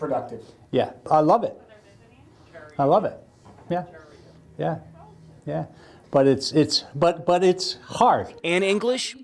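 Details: Aphasia group participant, likely an adult who had a stroke in 2009 (speaker identity uncertain); aphasia from stroke or brain injury affecting communication.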